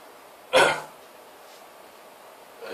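One short, rough throat-clearing burst in a quiet room, then silence; an ordinary throat clear.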